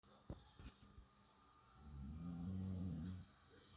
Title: Australian Shepherd snoring